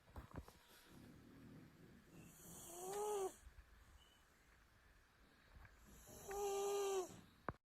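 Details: Two drawn-out, tonal snoring breaths a few seconds apart in a quiet room from a sleeping pet, one clip in a compilation of loud, funny cat and dog snoring; pet snoring.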